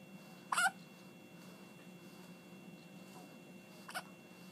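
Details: A child with yet another bout of hiccups, recorded Sept 17, 2013: two brief, sharp hiccup sounds about three seconds apart over a quiet room hum.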